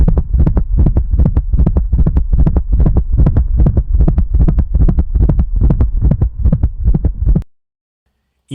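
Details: Auscultation of a hypertensive dog with chronic kidney disease and cardiac hypertrophy: fast heartbeat with an extra low sound on each beat, giving a three-beat galloping cadence; gallop rhythm.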